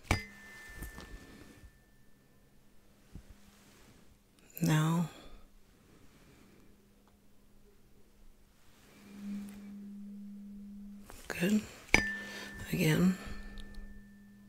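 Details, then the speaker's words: Simulated ASMR ear-exam roleplay, tuning fork hearing test with the patient's eyes closed, asked where the sound comes from: steady pure ringing tone of a struck tuning fork, sounding several times, with soft handling noises. "once you close your eyes and tell me where you hear the tune and Fork sound come from"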